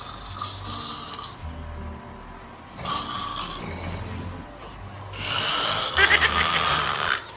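Repeated rough, rattling breathing noises during sleep with music in the background; snoring.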